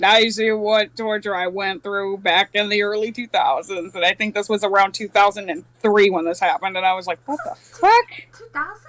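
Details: Adult male speaker; normal speech.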